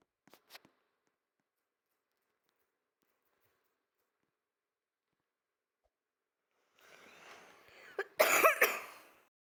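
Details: Short burst of harsh coughing from an adult who was sick, heard after a long near-silence, recorded over a game.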